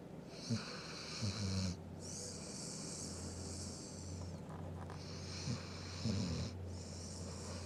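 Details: Sleeping animal: soft, low snorting snores with each breath over a steady room hum; snoring.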